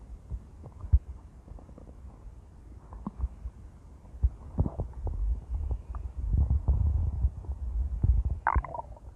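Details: Female with low, rumbling gurgles that swell and fade over several seconds; intense stomach growling, ordinary borborygmi.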